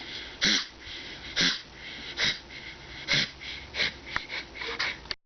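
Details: Dog with collapsing trachea, coughing too much: a rapid run of harsh, wheezy, honking coughs; collapsing trachea cough.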